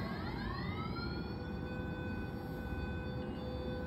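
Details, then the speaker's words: Phaco direct chop cataract surgery for a thick posterior subcapsular cataract (NS2), during bimanual irrigation/aspiration of cortical matter: a rising electronic machine tone settling into a steady pitch over a low hum. "now with B manual irrigation and aspiration we'll aspirate out the partical matter"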